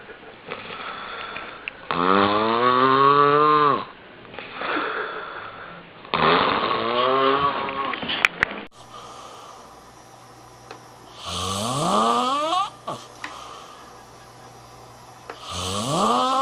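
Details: Loud, drawn-out snores with a rising whistling, squealing pitch, about 14 a minute, separated by quiet pauses; loud snoring.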